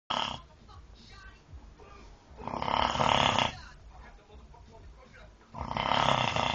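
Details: Heavy snoring in sleep: loud, rattling snores about every three seconds, roughly 20 breaths a minute, with quieter breathing between them.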